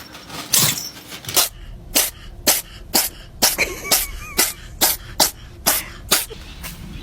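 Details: Cat sneezing: a run of about a dozen short, sharp, hissing sneeze bursts in quick succession.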